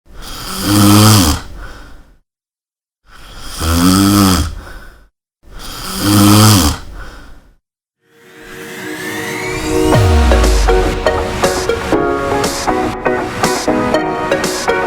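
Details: Snoring sample in a promotional video for a smart anti-snoring device: three loud, rattling snores on breathing in, about two seconds each with short pauses, followed by music.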